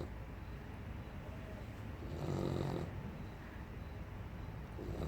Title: For a 12 week old puppy he sure snores loud.